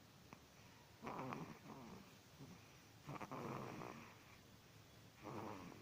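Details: Light snoring in a sleeping animal: soft, rattling snores about every two seconds with quiet breaths between.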